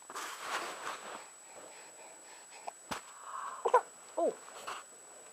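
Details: Hiccups recorded 24 March 2010: a few brief, sharp hiccup sounds, each a sudden catch of breath, in a quiet room with faint background noise.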